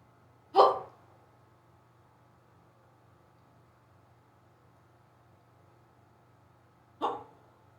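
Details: Sudden, unusually severe and rapid hiccups on waking in the morning, an episode lasting almost 20 minutes. Here, two abrupt, short voiced hiccups about six seconds apart against a faint steady hum.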